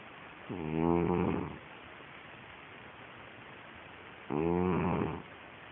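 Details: Sleeping pet snoring: two loud, rough, vibrating snores about four seconds apart with quiet between them.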